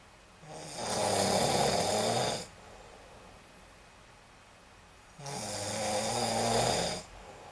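Two long, loud rattling snores on breathing in, separated by a quiet pause; ordinary snoring.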